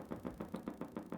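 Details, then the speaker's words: Needle EMG in a lower-limb muscle (soleus) during an EMG course demonstration: regular dull thumping pops about eight per second over low static, with normal-amplitude motor units as the needle is redirected; normal motor unit potentials. "there's some nice motor units there good there's another one there's two more motor units normal amplitude"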